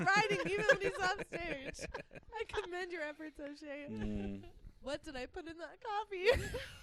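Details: Adult speaker; no speech disorder.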